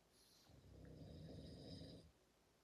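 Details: One low, rumbling snore of about one and a half seconds, with faint high squeaks earlier; a sleeper and Dad snoring during sleep.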